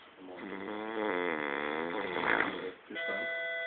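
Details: Adult man asleep at work, recorded by co-workers; one long, vibrating, wavering snore of about two seconds, followed by electronic tones in a quiet room; snoring.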